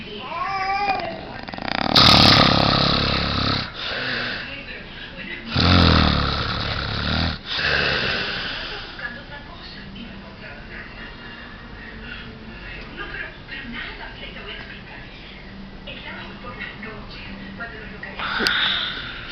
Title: funny video man snoring